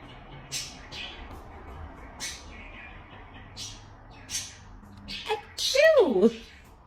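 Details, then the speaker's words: Pet bird doing fake, imitated sneezes on request: several short, hissy sneeze-like bursts ending in a squawk. This is mimicry, not a true sneeze. The owner says he does these less often than he used to. "he's so stingy with the sneezes these days and he's out of here"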